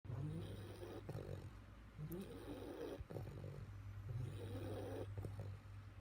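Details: Bulldog snoring: rhythmic, coarse, rattling snores, about one every second or two, with low droning vibration throughout.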